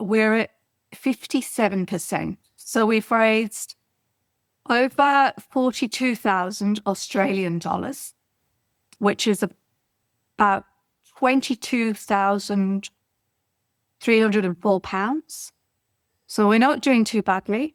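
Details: Adult woman speaking; Normal speech.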